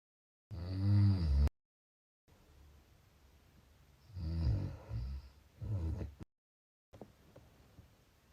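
Low, rumbling buzzy breaths in separate bursts with quiet gaps between them, consistent with snoring.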